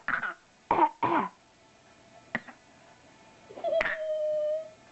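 Three short, harsh cough bursts in quick succession, then a faint click and a drawn-out voiced sound; a plain cough in a small quiet room.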